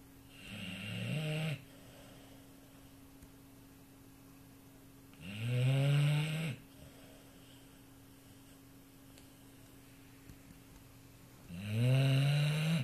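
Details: An 18-month-old Neapolitan mastiff x American bulldog snoring in sleep, thunder-like: three loud, low, rumbling snores about six seconds apart, each with a rattling buzz, over a steady room hum.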